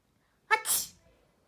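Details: A single brief sneeze: a short voiced intake followed by a sharp hissing burst.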